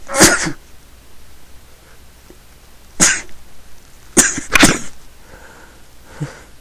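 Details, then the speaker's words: Several forceful sneezes, including a quick double sneeze, with quiet breathing and small sniffs between them, during a bout of repeated sneezing the person says they can't stop; sneeze. "I got one more belly. I'm gonna sneeze again. I have to sneeze. See?"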